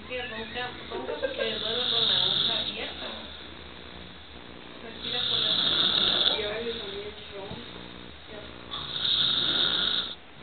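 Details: Adult man (a father in Guatemala) snoring in sleep: three long, harsh, rattling snores at regular intervals, about six breaths a minute.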